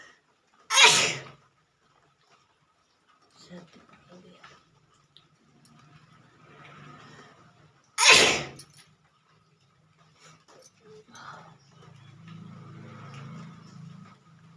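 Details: Two loud, sharp sneezes about seven seconds apart, with quieter sniffling and breathing between them, in a small room; sneezing with a slight cold during a nose-sneezing challenge.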